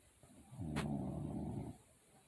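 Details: Parent recorded sleeping by their daughter: a single low, rattling snore about a second long, with quiet room noise before and after; snoring.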